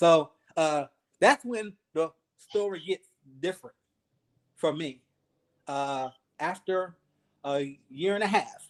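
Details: 52-year-old man, 3 years after an ischemic stroke, still working on his speech, in a real conversation; aphasia.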